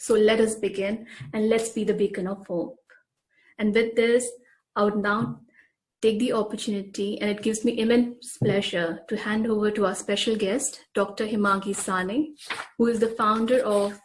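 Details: Adult woman; typical speech.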